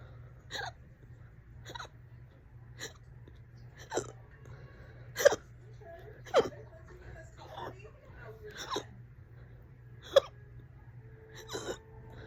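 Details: Person with hiccups for about 30 minutes, on and off all day: about ten fast, loud hiccups, roughly one per second, some with a voiced catch, over low room hum; persistent singultus.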